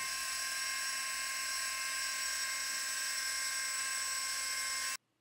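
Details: Steady high-pitched whine for about five seconds, then an abrupt stop: the dental surgical drill of a minimally invasive sinus lift system. It drills until a pressure drop shows the bone is perforated.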